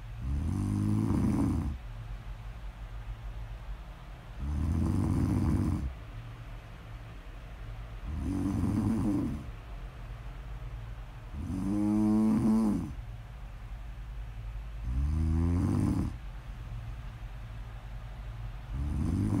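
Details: A person asleep, recorded as snore-audio ASMR: loud, regular, rattling snores on each in-breath, about 6 per 10 seconds, with quiet out-breaths between; snoring.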